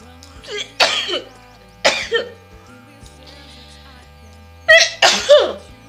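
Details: Four sharp bursts, each a short catch of breath then an explosive blast, over background music: repeated sneezes deliberately triggered by tickling the nose with long grass.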